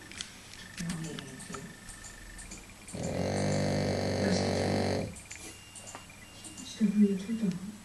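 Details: French bulldog snoring: one long, buzzing, rattling breath lasting about two seconds over room noise; snoring from a flat-faced dog.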